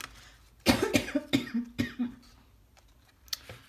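A run of about five quick, moderately loud coughs with a voiced, throaty edge, then quiet; a lingering cough after a cold.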